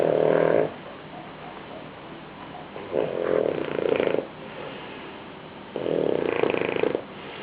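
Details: Person or animal snoring: loud rattling snores in three bursts separated by quieter breathing, slow and irregular.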